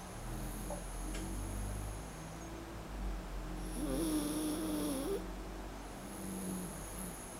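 Soft low rumbling snore with a longer rattling snore midway, over steady room hum; ordinary sleeping snore.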